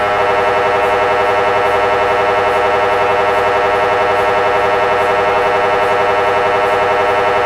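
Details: MRI scanner noise: loud, continuous, rapidly pulsing electronic buzz at a steady pitch, the typical knocking drone of a scanner during imaging.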